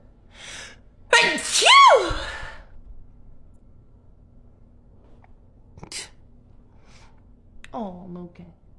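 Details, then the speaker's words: Girl with allergies having a sneeze attack: one loud explosive sneeze with a sharp inhaled lead-in, then quieter breaths and a brief vocal sound; sneeze. "I took my allergy medicine as I promise [Music] um I had a sneeze attack we're good we're done"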